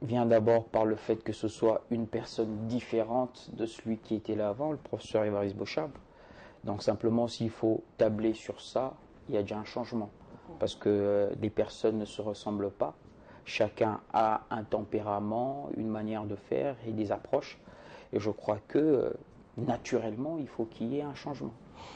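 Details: Adult man speaking French; Normal voice.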